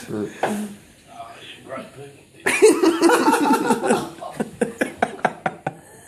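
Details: Cough during a snoring prank involving curry powder: a harsh burst of coughing and sputtering, then a run of short, rapid coughs that die away.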